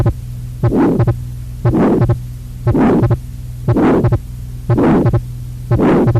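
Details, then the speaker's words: Lecture auscultation example, replayed: heartbeat near 59 a minute with a harsh crescendo-decrescendo sound between first and second sounds, a diamond-shaped systolic ejection murmur of aortic or pulmonary stenosis, louder and longer when more severe. "Now you agree it's a diamond-shaped systolic ejection murmur, which is different from what you're going to hear on the next murmur."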